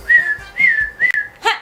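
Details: Vocal tics from an adult woman with Tourette syndrome: three short rising whistles followed by a sharp breathy "huh" burst, an abrupt vocal tic sequence.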